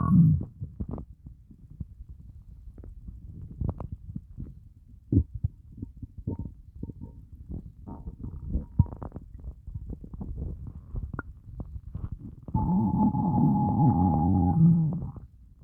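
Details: Stomach growling after fasting well over 24 hours (30+ hour fast), very hungry: low gurgles and rumbles come and go irregularly, ending in a long groaning growl; hunger borborygmi.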